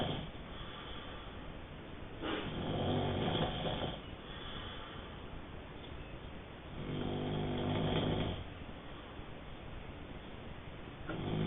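Rough, rattling snores on each inward breath, about two in eleven seconds, over steady background hiss.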